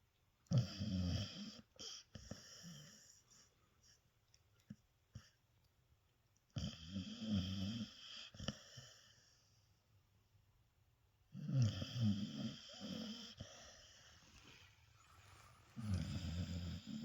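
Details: Dog snoring while asleep: rough, rattling snores at about 12 breaths a minute, with quiet pauses between them.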